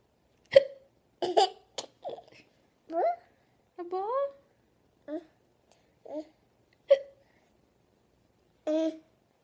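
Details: A young child gives repeated short, sharp hiccup sounds mixed with voiced babble and giggles; hiccups.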